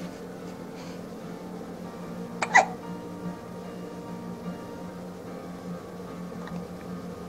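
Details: Child with hiccups: one sharp, abrupt hiccup over a steady background hum, followed by fainter catches.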